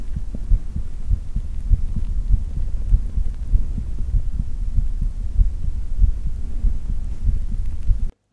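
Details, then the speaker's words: Own heartbeat recorded unprocessed, comparing contact, small- and large-diaphragm condenser, and dynamic microphones. Dull, low, steady thumps under a continuous low rumble: normal adult heartbeat. "according to this setup the best type of microphone to record a heartbeat is the small diaphragm condenser microphone"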